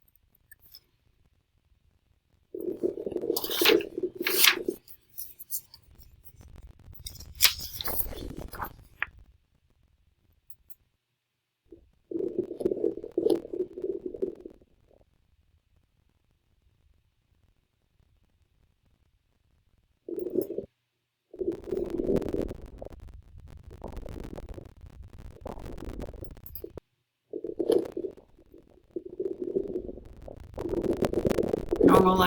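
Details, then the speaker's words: Adult female patient in a virtual comprehensive assessment with a protuberant abdomen, auscultated in all four quadrants: irregular gurgling bursts separated by quiet gaps; normal active bowel sounds. "now we'll move on to her abdomen on inspection left interior and right her abdomen is for tubular i'm gonna auscultate all four quadrants for vowel"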